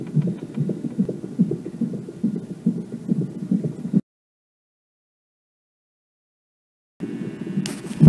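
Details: Rapid, regular whooshing fetal heartbeat on Doppler, about 140 a minute, with a sharp thump as the female fetus kicks toward the Doppler probe; fetal heartbeat with fetal movement.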